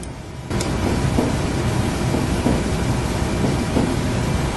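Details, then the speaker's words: Normal heart sounds in an animal, a recording played during a veterinary physical exam: soft paired lub-dub beats, about 46 a minute, under heavy hiss, with a regular rhythm. "I have on here what a normal heart sounds like so that you all can hear it and I'm going to go ahead and play that for you"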